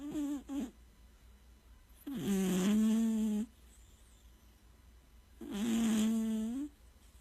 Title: Does your cet snore?